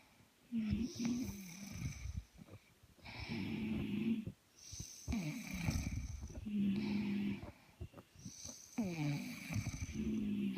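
Repeated rough, fluttering snores with a slightly tonal, whistling edge on several breaths, about five in ten seconds: snoring.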